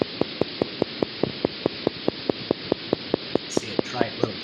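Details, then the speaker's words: Crisp, regular clicks at about five per second over steady static: fibrillation potentials with triphasic spike form on needle EMG. "both of them will fire in a regular firing pattern usually with a gradual slowing down so here's an example of a spike"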